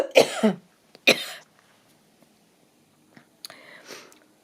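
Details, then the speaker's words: Adult with a cold and a congested nose gives three short, harsh coughs in a quiet room, the first a quick double. Cough. "I'm sorry, I might intermittently I'm going to cough because I've still got my cold, and I apologise in advance for various breaks in transmission while I'm coughing."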